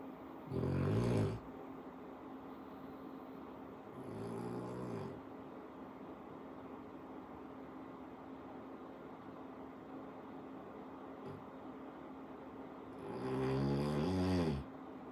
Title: Told him he snores